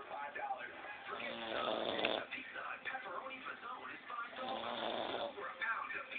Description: My sister snores like a man. I guess she was tired.